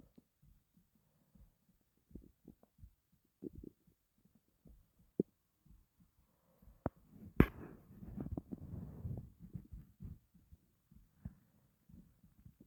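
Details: Quiet gurgles and rumbles with one longer rolling burst in a silent room, stomach growling from a person who had not eaten for a long time and was starving.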